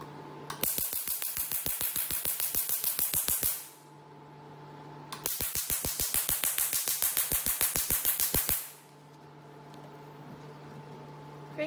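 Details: Q-switched Nd:YAG picosecond laser handle (532 nm setting) in tattoo-removal mode firing while the pedal is held: two bursts of rapid, sharp snapping clicks, each lasting about three seconds.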